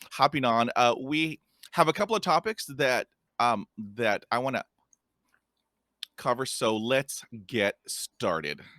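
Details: Stuttering in a podcast host who stutters and describes having a speech impediment; stuttering.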